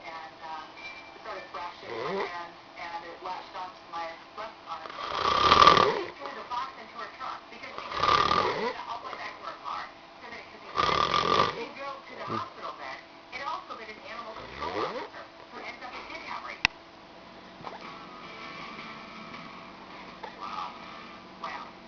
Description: This dude has the worlds loudest snore!